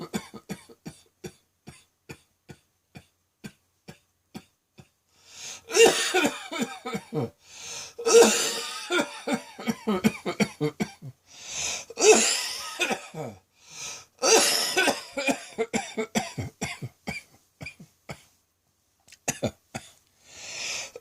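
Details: Adult's prolonged midday coughing fit, self-described as nearly coughing up a lung and sounding like a heavy smoker: repeated harsh, wet-sounding cough bursts with gasping breaths between clusters.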